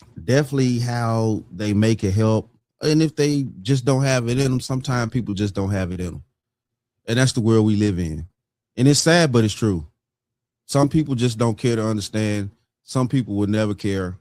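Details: Adult man speaking; ordinary speech.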